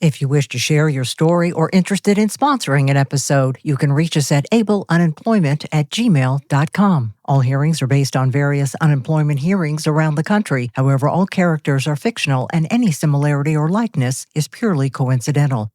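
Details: Adult male voice, possibly synthesized; normal speech.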